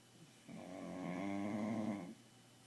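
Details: Bulldog puppy asleep at home at night: a single low, rumbling snore lasting about one and a half seconds in a quiet room; snoring.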